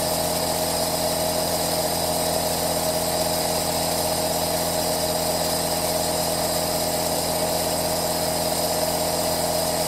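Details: Aerosol nebulizer recorded as 10-hour 3D ASMR white noise: steady mechanical hum with buzzing whir, normal device sound; nebulizer running.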